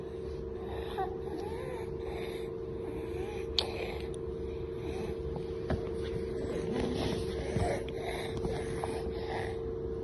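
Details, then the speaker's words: Biphasic stridor in a very noisy toddler with subglottic stenosis. "Most of you all have caught the sound. So I can see most of you all have labeled this as biphasic stridor."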